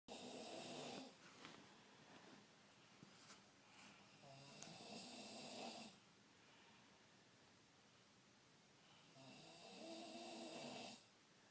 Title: Snoring!